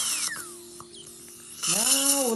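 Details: Dental drill with water spray splitting an infected left wisdom tooth in two for extraction, tongue side protected: high-pitched whine that falls in pitch then rises again steadily, with spray hiss; tooth sectioning.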